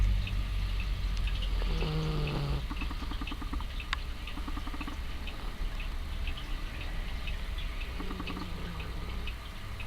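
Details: Sleeping cat snoring while sleeping with one eye open, which she does often; low, rough rumble with soft nasal tones on some breaths; snoring.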